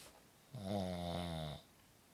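A single loud, low, buzzing snore on one breath in, lasting about a second, against quiet room noise.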